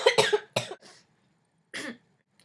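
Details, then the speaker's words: Person with an awful cough for the past few days, not feeling very sick: a quick run of three coughs, then one more after a short pause; persistent lingering cough. "Yeah, I'm still kind of coughing up my inners every now and again."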